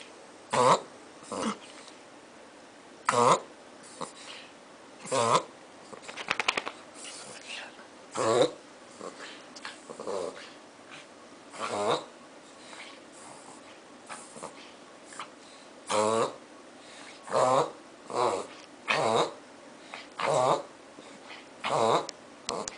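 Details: Beagle makes repeated loud, honking snorts pulling air hard through its nose: reverse sneezing, described as normal for beagles.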